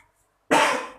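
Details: Woman in her second labour with a short umbilical cord, baby optimally positioned at the pelvic floor: silence, then one strong, harsh half-second cough used instead of pushing in the second stage.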